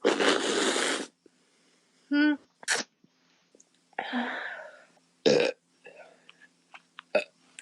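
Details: Woman burping while drinking a can of beer: several throaty, rumbling burps of varying length with short quiet gaps and faint clicks between them.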